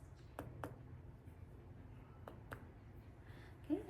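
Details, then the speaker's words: Abdominal percussion on an adult male during a nurse practitioner student's exam: hyperextended middle finger struck by the other finger across all nine regions. Soft, hollow, drum-like taps give a tympanic note throughout, a normal finding. "I'm assessing of the distribution of tempany and dullness percussing and all nine"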